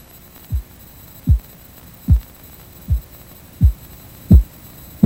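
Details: Korotkoff sounds from a 1997 Red Cross blood pressure auscultation practice sample, heard by stethoscope during cuff deflation (first sound systolic, last diastolic): six soft regular thumps, about 80 a minute, over a faint hum.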